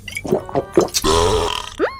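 Cartoon character voices with a long, drawn-out, voiced belch after short vocal sounds, over background music; a staged burp.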